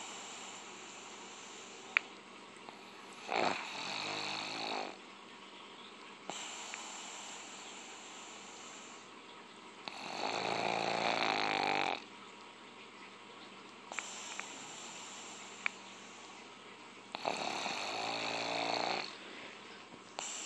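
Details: Pug snoring while lying on the couch: rough, rattling snores on breathing in, each one to two seconds long, about every seven seconds, roughly nine breaths a minute, in quiet room noise.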